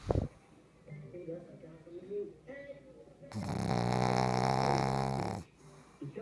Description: Pug snoring in her sleep and a creepy eye turn.